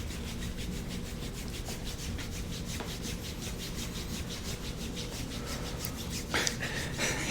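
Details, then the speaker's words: Steady, rhythmic rasping, sanding-like strokes: an instrument-assisted soft tissue scraping tool gliding over yoga pants on a dancer with a sore left knee nine years after patella surgery, in a chiropractic session. "the yoga pants kind of work with scraping because you don't have to pull them up and get on skin it just Glides yeah nicely"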